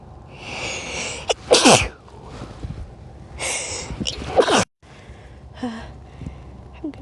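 Two sneezes, each a rising breathy inhale then a sharp explosive burst; a faint quieter sound follows. Ordinary sneezing.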